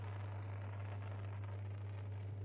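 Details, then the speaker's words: Suction machine running after nasotracheal suctioning of an adult male patient on 35% oxygen via Venturi mask; steady low motor hum with faint rattling as tubing is dipped in sterile water to flush it. "So, I'm going to dip the tubing into the water and it will flush"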